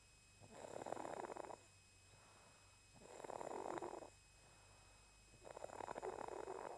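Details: Sleeping cat snoring: three rattling, fluttery snores about every 2.5 seconds (roughly 24 breaths a minute) with quiet pauses; snoring.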